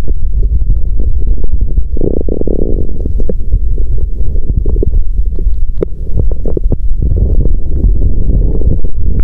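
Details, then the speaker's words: Abdomen after exercise on an empty stomach, with nausea and cramping of the gut: continuous low rumbling and gurgling with bursts of louder growls, active bowel sounds (stomach growling). "Lúc đó mình có cảm giác bụng và ruột như quặn lại 😫! Vì thế mà âm thanh đường tiêu hóa trở nên ồn ào! !!"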